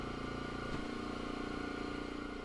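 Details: Oxygen concentrator running to fuel a jewelry soldering torch with a one-pound propane canister: steady loud mechanical hum with a low, rapid pulsing throb.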